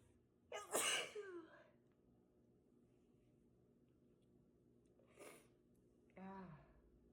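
One loud, forceful sneeze, then a softer sneeze-like burst and a short voiced sound in a quiet room.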